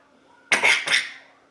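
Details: A woman who is very sick sneezes once, a sudden harsh two-part burst in a quiet room, while a young child laughs; sneeze.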